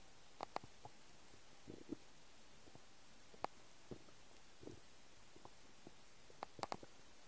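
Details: Faint scattered gurgles, squelches and clicks over a quiet hiss from a person's empty stomach; normal stomach rumbling (borborygmi).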